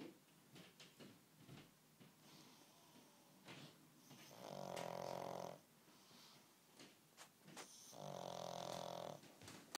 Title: Snoring pug